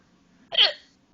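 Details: Mother's hiccup while her baby son sits on her: a single sharp, voiced hiccup with a quick gulping catch, over quiet room hum.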